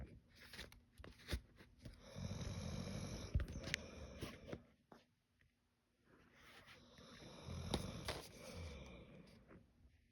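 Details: Sleeping dog snoring: two long, rough, rattling breaths with a low fluttering buzz, separated by a quiet pause.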